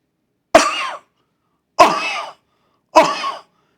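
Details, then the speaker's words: Brassy cough demonstrated by a clinician, arising in the rigid trachea: three separate harsh coughs with a hard, ringing metallic edge. "see it's a metallic type of cough"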